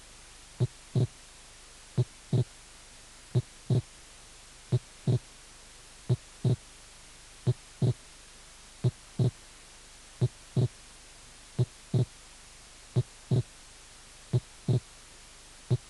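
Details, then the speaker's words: Wide fixed splitting of the second heart sound. "desdoblamiento amplio y fijo del segundo ruido"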